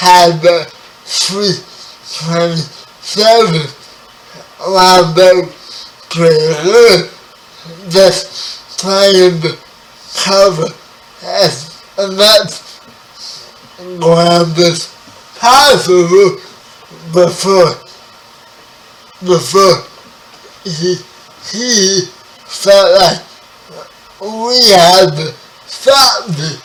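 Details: 30-year-old man with spastic quadriplegic cerebral palsy, born 11 weeks premature; his speech is affected by the condition. Dysarthria (cerebral palsy).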